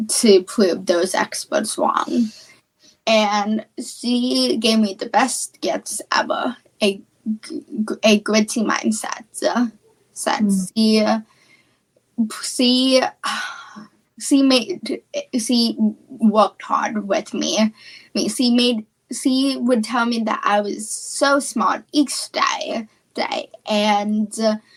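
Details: Female high school senior with childhood apraxia of speech, a neurological speech disorder, in speech therapy since about age four and once only 10% understandable; childhood apraxia of speech.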